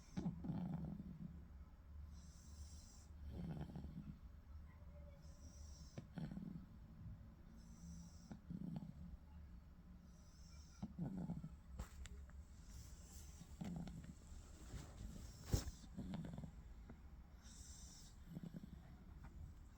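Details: A female pug puppy falling asleep and snoring: soft, snorting snores about every 2.5 seconds, roughly 24 breaths a minute.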